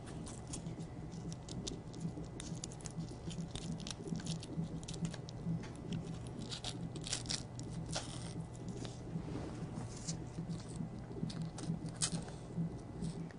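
Rapid, rhythmic whooshing pulses from a Doppler probe at about 130 a minute, a normal fetal heart rate.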